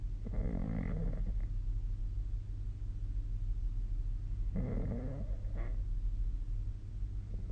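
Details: Snoring during sleep, recorded with the SnoreLab snoring app: two rough, low, rattling breaths about four seconds apart over a steady low room hum.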